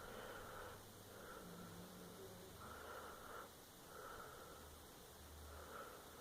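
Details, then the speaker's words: Dog sleeping under a blanket, snoring: soft, rhythmic snuffling snores about 22 a minute over steady room noise. "You can hear Nana snowing. Is she adorable? I love her cute snoring."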